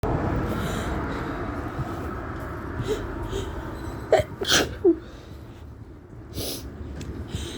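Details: Allergy sneezing in a female at an outdoor bus stop: a few quiet, stifled sneezes over steady traffic noise. She has been sneezing for about a week amid high tree pollen levels.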